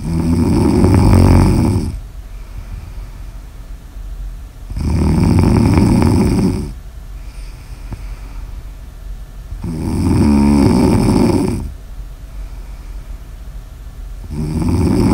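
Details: Snoring in an ASMR sleep recording: loud, rough snores on each in-breath, about every five seconds, roughly 12 breaths a minute; heavy sleep snoring.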